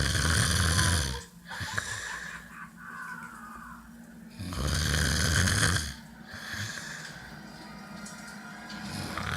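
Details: Deep, rumbling snores, about 13 breaths a minute, with fainter breathing between them and some background sound; snoring.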